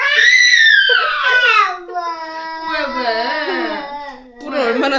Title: 이모부가 무서워요 Baby crying when Uncle jokingly scares her with a mask pack on his face